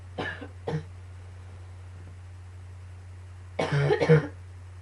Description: coughing fit and a bit of allergies combines...phew lol